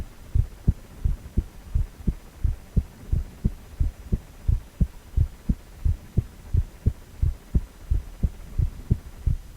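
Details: Heartbeat sound from a cardiac ultrasound, 4-chamber view of a male heart: steady, regular low whooshing thumps at about 88 beats a minute.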